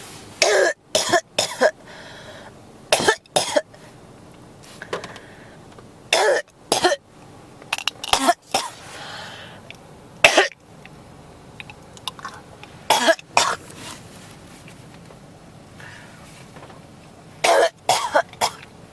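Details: Repeated bursts of dry coughing, often in pairs or triplets, about 20 coughs in under 20 seconds, described as a cough that won't stop; persistent cough.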